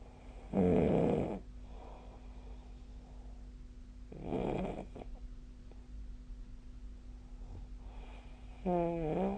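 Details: Loud, coarse snores a few seconds apart, the last vibrating and fluttering, over a low steady hum; snoring during sleep in a daily recording dated 2025/01/20, SnoreLab snoring app referenced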